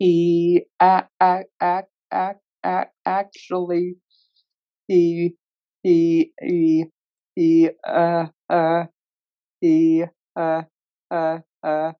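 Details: Real, self-identified stuttering in a male webinar moderator who stutters, leading a workplace panel of people who stutter; finding: stuttering.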